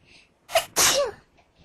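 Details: A quick indrawn breath followed by one sharp, explosive burst of air: a single sneeze.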